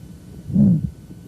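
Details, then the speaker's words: Aortic valve stenosis: a mid-systolic, diamond-shaped ejection murmur that rises and falls between a clearly heard first and second heart sound, low and rumbling in quality. "is aortic valve stenosis you can pretty much hear the first heart sound and clearly hear a second heart sound on the other side of it the murmur rises and falls between it's often termed a diamond shaped murmur"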